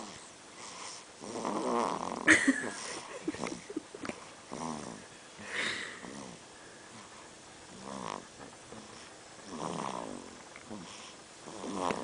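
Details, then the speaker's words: Male snoring: soft, irregular, snuffly snores with noisy breathing through the nose, fairly quiet against room noise. "baby isn't a baby, he's an old man. He snores."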